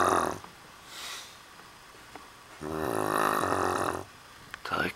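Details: A young woman snoring while asleep in a hostel: loud, rough snoring noises with long buzzing inward breaths between quieter gaps.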